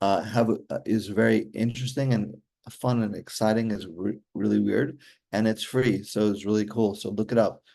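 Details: Aphasia in an adult man after a stroke during surgery in 2007 for hereditary mitral valve prolapse; he says communicating is still hard.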